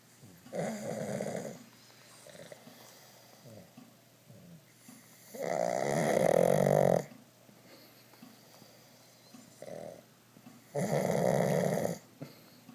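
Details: Two pugs snoring: harsh, rattling snores about every five seconds with faint snuffling between them.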